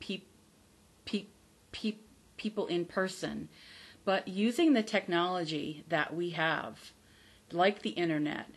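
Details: Adult woman with stuttering, real, who still stutters but no longer fears stuttering; stuttering.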